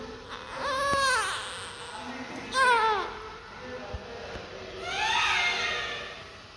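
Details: Newborn baby just after birth: three loud, wailing cries, a strong, vigorous first cry, which is a normal sign.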